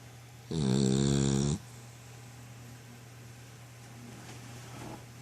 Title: Pippa the snoring dog